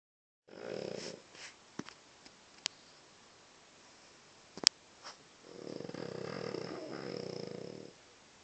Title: Wicket snoring